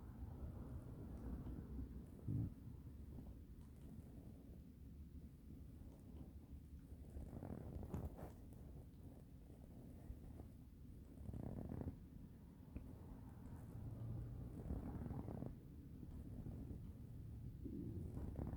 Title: Kind of loud tummy noises